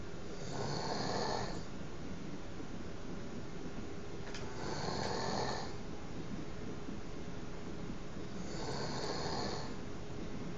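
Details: Adult fiancé snoring through the night during sleep: three long, rough, low snores at steady intervals, about eight breaths a minute, over constant room hum; ordinary snoring.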